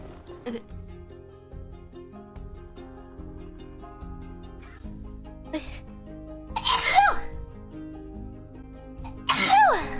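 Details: Two loud, sudden sneezes from a VTuber during a livestream, heard over background music.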